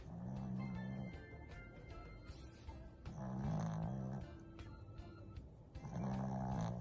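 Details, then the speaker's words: Dog just discharged from hospital, asleep in the same position nearly two minutes: deep rumbling snores about every three seconds, roughly 20 breaths a minute, under loud background music; snoring. "He just checked out a discharge from hospital and look at him snoring."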